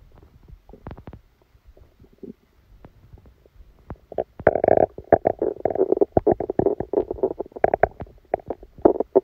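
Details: Active bowel sounds: soft scattered gurgles build into loud, frequent rumbling and bubbling, recorded while sleeping with a stomachache that began after Christmas dinner.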